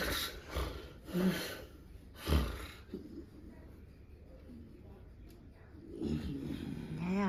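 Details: Adult husband snoring in sleep at home: loud, rough snorting snores in uneven bursts with a few seconds of silence between them; wife observes brief breathing pauses during his snoring.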